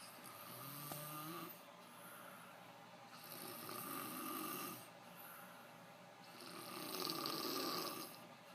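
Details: Adult man (the uploader's father) snoring: loud rasping snores with each breath in, about three over eight seconds, with a rattling quality.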